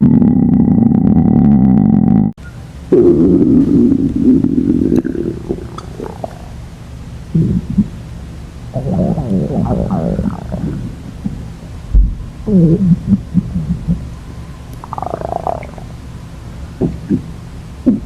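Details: A long low rolling growl, then bursts of gurgling and squeaky rumbles; a girl's ordinary stomach growling (borborygmi).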